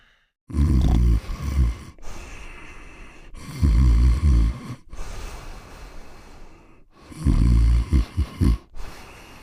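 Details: Cartoon sound effect of a dog sleeping in his bed and snoring: three loud, rumbling snores spaced a few seconds apart, each followed by a softer, hissing breath out.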